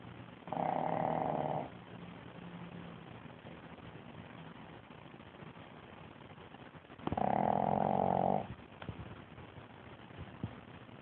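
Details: Sleeping dog snoring, recorded on an Android phone: two loud, rough, buzzing breath sounds about six seconds apart over low room noise.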